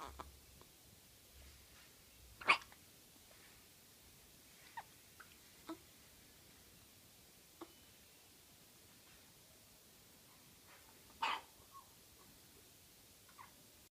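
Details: Twin babies hiccuping in sync: faint, brief hiccup sounds every few seconds in a quiet room, a couple louder; ordinary baby hiccups.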